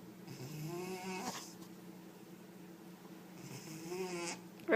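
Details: Two slow, rattling snore cycles with a buzzing tone on each breath from a sleeping cat lying on a table, described as loud and rough: snoring.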